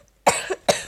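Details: Two short, harsh cough bursts from a female child who says she is slightly ill with a cough and runny nose, recorded indoors while playing Minecraft.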